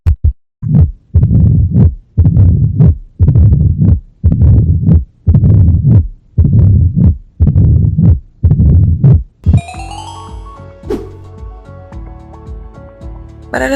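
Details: Horse heart auscultated by stethoscope: regular, deep, muffled heartbeats about 58 a minute, music at end; normal heart sounds.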